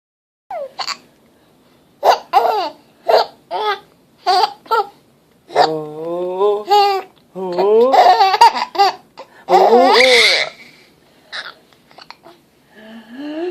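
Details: Baby with hiccups laughing and babbling as mom makes her laugh, broken by short sharp breath catches typical of hiccups.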